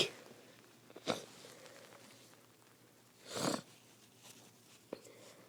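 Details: Self-induced sneezing after holding a flower under the nose: two short, sharp bursts of air with a faint sniff between them, in a quiet room.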